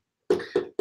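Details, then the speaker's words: Coughing from an adult speaker during a live talk, who says there is a frog in the throat that day; cough. "excuse me for coughing but got like a frog in my throat today you can hear it"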